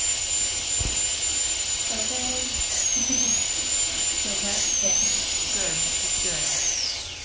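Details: Dentist drilling a deep cavity from a boy's tooth, nearly needing a root canal: continuous high-pitched dental drill whine dipping briefly under load as it cuts, quiet talk in background.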